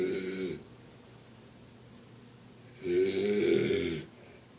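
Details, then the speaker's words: Loud snoring from an old man, the speaker's sleeping father, who the speaker says is probably drunk: two loud, rough, voiced snores about three seconds apart with quiet breathing between. "and that was my dad snoring rate comment comment"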